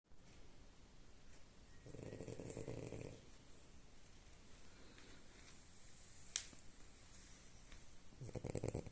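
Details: Soft, low rattling snoring from a sleeping French Bulldog, with faint room noise and a sharp click.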